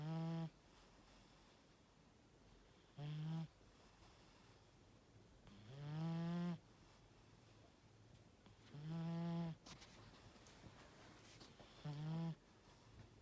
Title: Mister Tiger Snore ! 😴